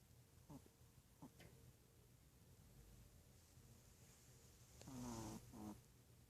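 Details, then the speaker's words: Blind dog sleeping with paws crossed, giving a couple of soft, throaty snoring sounds against quiet room noise. "My little snoring blind angel."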